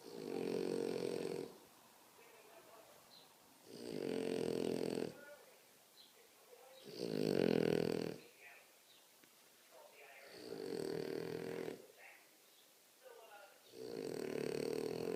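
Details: Very loud, heavy snoring: rough snores about every three seconds, roughly 20 breaths a minute, each lasting over a second with quiet gaps between.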